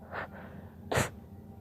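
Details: A female trying to hold back sneezing: a faint stifled sneeze, then a sharper, louder burst; sneezing.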